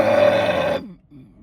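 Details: A single loud, drawn-out belch lasting under a second, then quiet, from a woman in a car who has just eaten and is drinking Mountain Dew Gold soda: burping.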